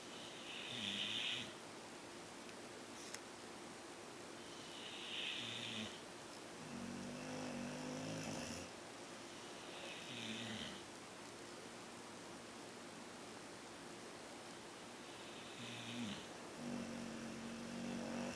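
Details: Two dogs snoring: soft, repeated snoring breaths with a low rattling tone on inhalation and a hissing exhalation, about four cycles in eighteen seconds.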